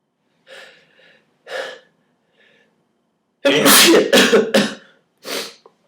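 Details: A run of sneezes on an off day, fewer than usual: a few softer sneezes, then a burst of four or five loud, sharp sneezes in quick succession.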